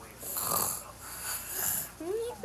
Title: watching family sleep as snoring noises ignore me 😹😹😹😹￼